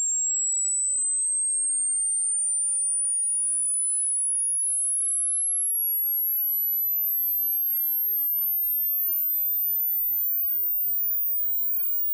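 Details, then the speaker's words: High-frequency hearing test: steady pure tone rising slowly toward the upper limit of hearing (20–20,000 Hz range noted, declining with age); listener stops when tone becomes inaudible; headphones recommended; high-frequency tone sweep. "As we age, however, this top end starts to go down. Ready to test how good your hearing is? Simply stop the video the moment you can't hear anything anymore."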